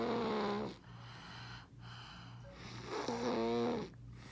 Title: Snore fest